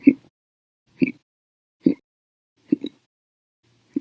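Short, abrupt voiced hiccup sounds about once a second, one a quick double, with silence between.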